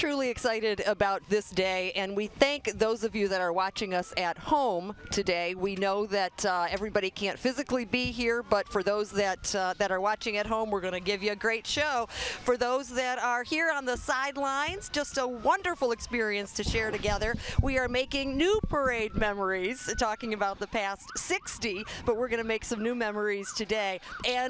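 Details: Adult announcer; ordinary speech.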